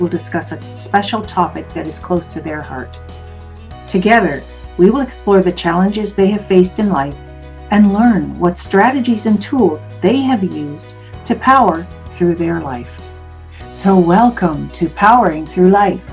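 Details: Adult woman, podcast host; typical speech.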